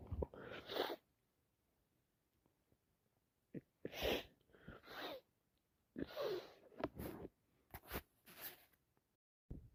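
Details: Day 3 of a common cold caught from a cousin, with wet sneezing that won't stop: a run of about six wet, forceful sneezes in quick succession, with sniffs between them.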